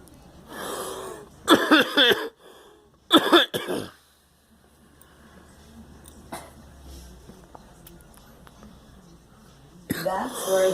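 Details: A girl and another person coughing: several loud, harsh coughs from two people in bursts, separated by quiet room noise.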